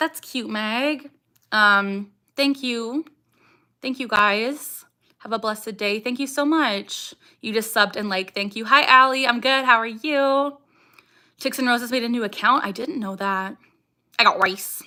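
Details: Young woman with Tourette syndrome, vocal tics including saying "I got rice", "ha" and barking; strong emotion such as anxiety or excitement increases her tics, and she tics more during livestreams; vocal tic (Tourette syndrome).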